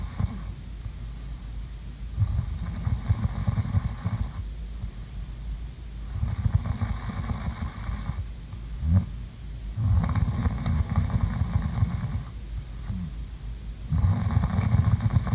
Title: ASMR| COME SLEEP WITH ME| SLEEPING SOUNDS| SNORING